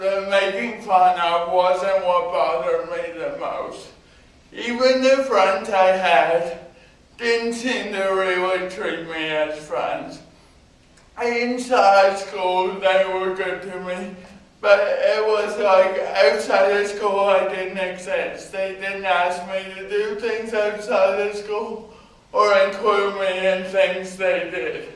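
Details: Mild dysarthria from spastic cerebral palsy in an adult man, present from birth due to lack of oxygen (umbilical cord around throat), diagnosed at 18 months; had extensive speech therapy.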